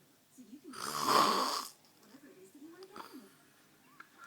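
One loud, harsh rattling snore on an inward breath, followed by quieter noisy breathing; ordinary snoring.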